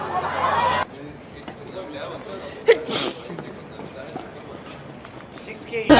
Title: KPOP IDOL SNEEZING MOMENTS